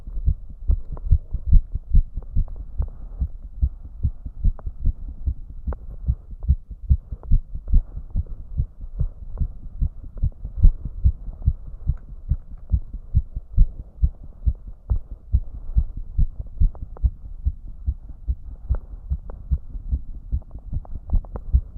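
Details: Male heart sound, rapid regular low thumps at about 145–150 beats a minute after he tried raising his heart rate, which rose less than expected: tachycardia (fast heart rate).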